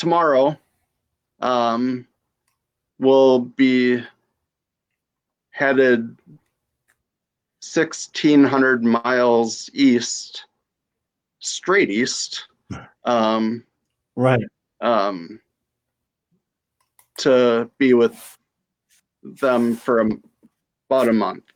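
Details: Mild to moderate aphasia in a woman after a stroke at age 35, now 7 years post-stroke, with right-side weakness. She reports the words are there but getting them out is hard.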